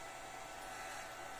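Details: Steady airy mechanical hiss of an SLE 5000 neonatal ventilator running after a CMOS battery reset fixed it hanging on the boot logo.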